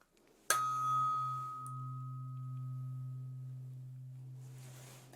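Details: Sharp tap, then a steady pure hum slowly fading from a tuning fork struck in a role-played ASMR hearing test, the listener with eyes closed localizing the sound, before a test of when the hum stops being heard.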